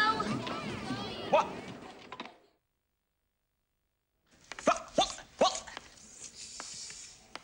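Acted film scene: speech, a pause, then three abrupt, short bark-like vocal bursts over room noise, consistent with vocal tics of Tourette syndrome.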